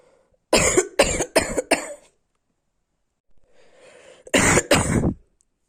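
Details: Cough in a person who is sick and snotty: a run of four sharp coughs, a pause with a soft breath, then two more coughs; six in all.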